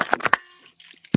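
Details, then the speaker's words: A father's loud, forceful sneezing, likened to a grenade going off: several sharp, explosive bursts in quick succession, then a fading tail and a final low burst, repeating again later. "He's a bit of a sneaker. He likes a good sneeze. So is mine. Yeah, it sounds like a friggin' grenade going off."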